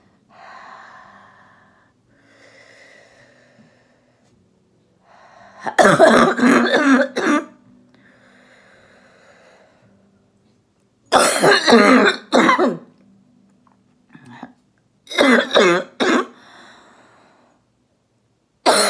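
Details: Adult female orthopedic surgeon recovering at home from COVID-19, doing a phlegm-clearing exercise: slow deep breaths, each followed by two to three strong rattly coughs, three bouts; a wet, productive cough.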